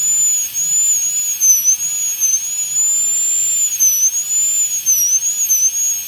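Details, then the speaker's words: High-speed dental drill placing the functional cusp bevel at 45 degrees, mesial to distal, in a full metal crown preparation on tooth #46 in a phantom head: steady high-pitched whine, wavering slightly as it cuts tooth. "So the functional cusp bevel when I am going to give is that from the side of the bulb, from medial to distal."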